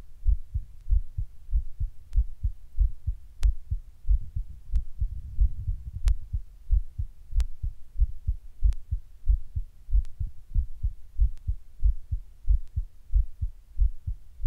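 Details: While sitting down, the heart suddenly beats weird and hard, getting fast every once in a while: strong, thudding beats around 90 a minute with uneven spacing and brief faster stretches; irregular, forceful heartbeat felt as palpitations.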